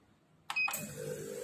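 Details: FOUNTAIN TM-XD24DV autoclave sterilizer control button pressed to start the preset program: short electronic beeps followed by a rising machine whir as the cycle starts; device control beep.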